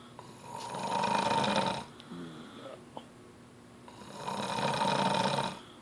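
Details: Adult woman (wife) who doesn't think she snores: two loud, rattling inhaled snores with a quiet pause between; snoring.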